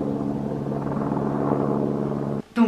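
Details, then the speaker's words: Simulation of one of the constant tinnitus sounds heard 24/7 by a young hard-of-hearing woman, likely the one she likens to cocktail-party noise above her head: a steady, low, droning hum with a murmuring, crowd-like texture. "j'ai un deuxième son qui apparemment serait appelée bruit blanc donc c'est comme un petit bruit d'une comme d'une radio on va dire qui est entre deux fréquences et qui bug un peu"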